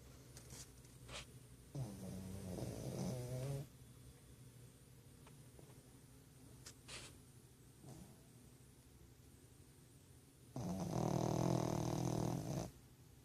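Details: Pug snoring out loud: two drawn-out, buzzing snores several seconds apart with quiet breathing between.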